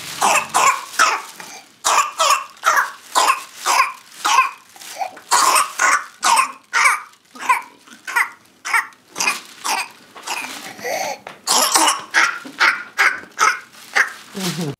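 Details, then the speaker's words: Whooping cough (pertussis) fit: rapid runs of short, forceful coughs with barely a breath between them. Each fit classically has 3–5 or more paroxysms, is more frequent at night and is triggered by noise, feeding or examination. "itruante on parle de quinte parce que chaque épisode est classiquement composé de 3 à 5 paroxysme"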